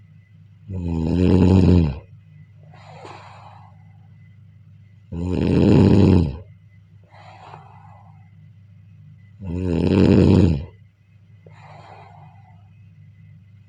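Three loud, low snores on breathing in, each followed by a soft breathy exhale, about 14 per minute; ordinary snoring.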